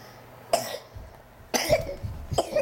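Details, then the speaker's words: A young boy gives three short, sharp coughs in quick succession in a quiet room, and his father asks why he is coughing on him. "don't want you to cough on me buddy what are you coughing on me for"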